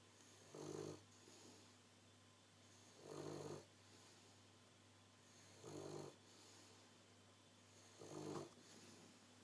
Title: snoring away lol..